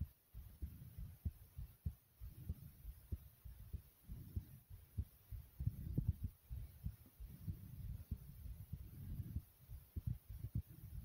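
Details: Own fast thumping heartbeat recorded together with loud stomach growls: quick, sharp low heart thumps over irregular gurgling and rumbling bowel sounds, with faint room hum; tachycardia with bowel sounds.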